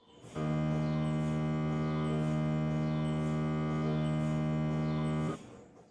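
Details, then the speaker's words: MRI scanner running in a quiet scanning mode (Quiet Suite): a steady, low, droning hum, much softer than the usual loud knocking of conventional scanning, with the two compared directly. "This is what you used to hear. This is Quiet Suite. And now, compared directly. This is what you used to hear. This is Quiet Suite."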